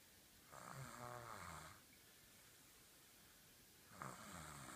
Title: Lexie snoring 5-13-15